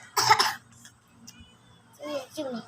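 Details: A young child gives one harsh, quick double-burst cough, then a brief voiced vocalization.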